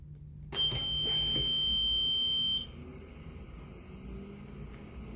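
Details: Respironics EverFlo oxygen concentrator switched on with the top on/off button, all three lights coming on: a click, then a sustained high-pitched beep of about two seconds before a low running hum; the normal start-up beep.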